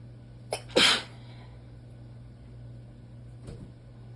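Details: Short intake of breath, a forceful sneeze, then a softer second one: an allergy sneezing fit, with sneezes mostly into the elbow and some into the hand.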